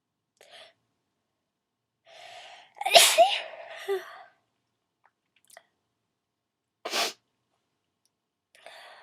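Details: Two loud, sharp sneezes, made on request as loud wet sneezes, with a short intake of breath before the first and faint breathing noises.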